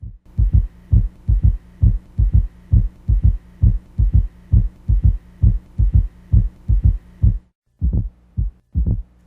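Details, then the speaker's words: S3 gallop in heart failure: regular, low heart sounds at about 67 a minute, with a soft extra sound just after S2 as blood abruptly decelerates into overfilled ventricles. "When blood reaches the overfilled ventricles, it abruptly decelerates, causing the ventricular walls to vibrate. This vibration causes S3, a soft heart sound heard immediately after S2."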